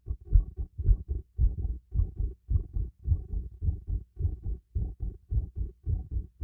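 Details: Stethoscope heartbeat during light exercise with breathing: clear, rapid paired low thumps at about 110 beats a minute; a normal rhythm sped up by exercise.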